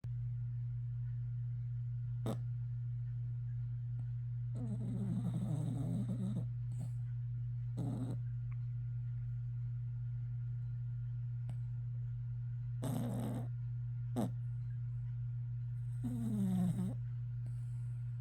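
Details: A dog with a heart murmur, treated with Vetmedin, gives a few irregular, rattling, snorting breaths over a steady low mechanical hum; snoring with laboured breathing and breathing difficulty.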